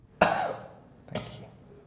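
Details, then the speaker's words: Adult patient asked to cough during an abdominal examination to check the groin for herniation: two short, deliberate voluntary coughs. "should also ask them to cough to assess for any herniation"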